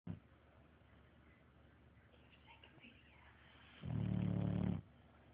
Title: Snoring Best Friend